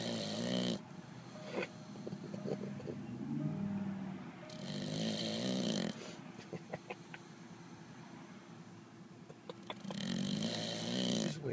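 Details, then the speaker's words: Mastiff dog snoring while awake: loud, rough, rattling breaths in bursts on inspiration with quieter gaps, snoring-like noisy breathing. "Bill, are you awake? Are you sleeping? Cuz you're snoring."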